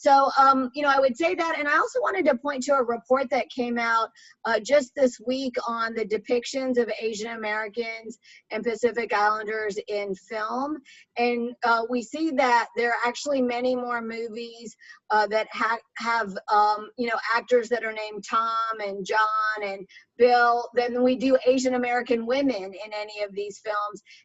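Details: Adult woman speaking; normal speech.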